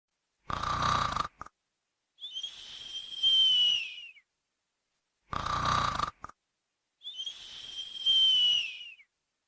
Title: Creepypasta Bf sleeping while snoring SFX